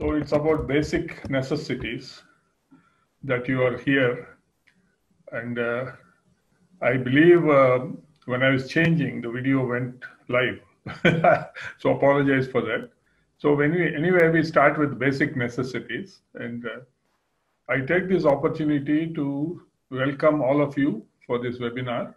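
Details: Adult male speaker; Ordinary speech.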